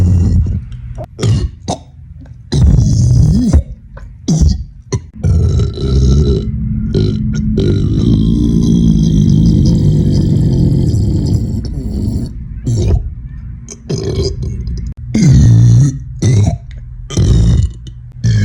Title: Loud Bassy Guy Burps Comp2